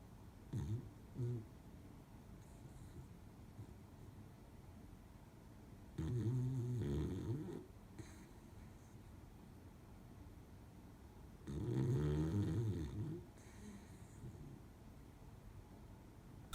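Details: Low rumbling, irregular snores, a few per minute, with faint snuffles between, from a Beagle in deep sleep during a nap; ordinary snoring.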